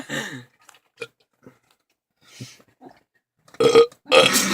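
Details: Young men deliberately burp in a car with laughter, giving several belches of varying loudness, the last two long and rough, with small mouth noises between; voluntary burping.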